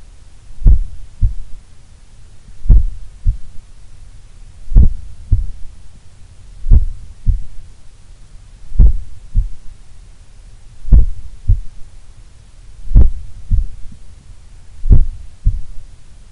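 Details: Steady paired lub-dub heart sounds at about 29 beats a minute, recorded while relaxing at rest in a sun room, reported as the lowest resting heart rate recorded so far; a very slow resting heartbeat.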